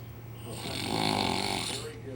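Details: Snoring after drinking too much: one long, loud, rattling snore that swells and fades over about two seconds.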